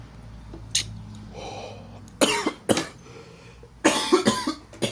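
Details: A run of about four harsh, forceful coughs in a small room, with throat-clearing before them; coughing after smoking kief.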